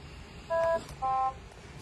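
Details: Two short electronic beeps over quiet room noise from an S6200 (S6100XS) anesthesia machine confirming a settings selection during setup, just before oxygen calibration; machine confirmation tones.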